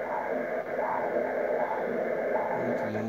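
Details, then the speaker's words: Lower-limb venous duplex ultrasound for varicose disease, Siemens Sonoline G50: venous Doppler flow signal that stops with compression from above and resumes on release, indicating competent valves; normal venous flow. "венозный кровоток. И при нажатии сверху он прекращается, значит клапаны состоятельны. Отпускаем, кровоток возобновляется."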